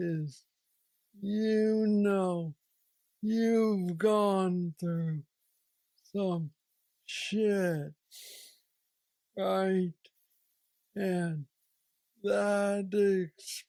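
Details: 46-year-old man with Parkinson's disease diagnosed at 35, about 11 years ago, which he describes as the most aggressive form, with mobility struggles and a deep brain neurostimulator implant; real patient; hypokinetic dysarthria (Parkinsonian speech).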